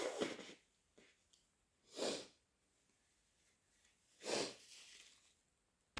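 Three loud, harsh, wet sneezes a couple of seconds apart, each a sudden explosive burst of air; ordinary sneezing.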